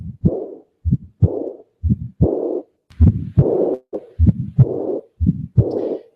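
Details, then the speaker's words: Aortic regurgitation: regular heartbeat near 60 a minute with a noisy systolic murmur, a long murmur throughout diastole, and an early systolic ejection click. "this thing does qualify of noise again it sounds like and the diagnosis of ortic recitation is pretty much [Music] established"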